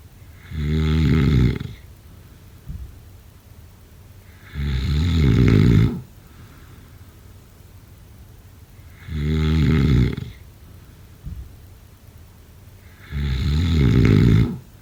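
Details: Loud, rattling inhaled snores about every four seconds, roughly 14 breaths a minute, with quiet exhales between; typical heavy snoring during sleep.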